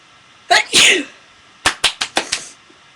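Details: One full sneeze, then a quick run of five short, sharp sneezes in a small room.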